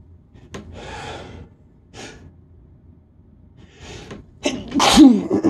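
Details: Several breathy, gasping intakes, then a loud sneeze in a quiet room; tired sneezes from someone mostly recovered after a week-long cold.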